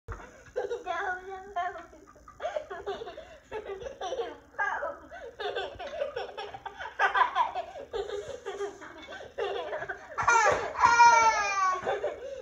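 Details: 3-year-old boy with a hypothalamic hamartoma brain tumor having a gelastic (laughing) seizure with loss of motor control, dropping his game controller: irregular bursts of giggling and belly laughter.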